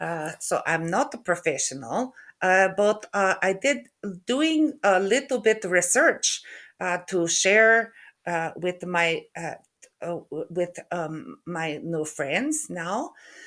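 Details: Adult woman with aphasia after a stroke in November 2023, with word-retrieval difficulty and halting speech.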